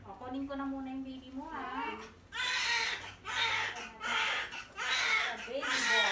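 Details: Newborn baby boy just after a normal vaginal delivery: a softer opening wail, then repeated loud, rhythmic crying bursts with faint room sounds, a vigorous newborn cry.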